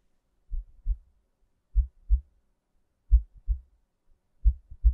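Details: Slow, steady normal heartbeat at about 46 beats a minute, two clear lub-dub sounds per beat, recorded as relaxation ASMR.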